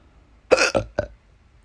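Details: Hiccups that recur about once a week and are painful: three abrupt, throaty gulping sounds in quick succession, like a hiccup merging into a small burp; hiccup burps.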